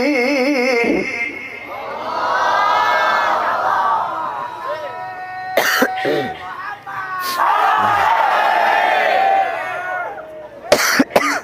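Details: Severe cough during Quran recitation (tilawah) by a sick qari, who tries to recite at his best despite illness: melodic sung recitation broken by several sharp coughs and throat clearing, crowd noise behind; cough.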